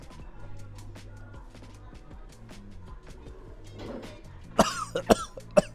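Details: Cough from an adult at the end of a vlog; the speaker then remarks hoping to still have a voice tomorrow.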